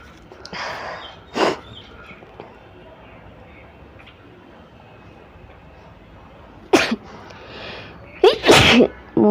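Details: Several sharp, explosive sneezes, some preceded by a drawn-in breath, with quiet gaps between them, during a 100-sneeze challenge using paper to provoke sneezing: sneezing.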